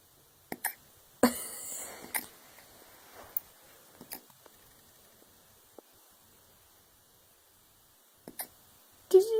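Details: Hiccups in a female dog: short, sharp, spaced gulping clicks a few seconds apart in a quiet room.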